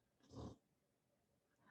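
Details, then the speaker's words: Sleeping female dog snoring loudly: a single loud, low rumbling snore breath followed by quiet room noise. "sorry if you can hear my dog. She is snoring so loudly. Can you hear her a little bit?"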